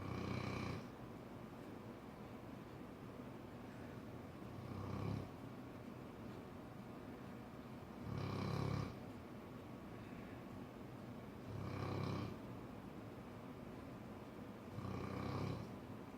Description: Cane corso snoring